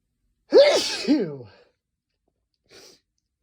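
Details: Self-induced sneeze (m, likely male), nose sensitive from cold weather: a single loud voiced sneeze with sharp onset and falling tail, then a faint breath; sneeze.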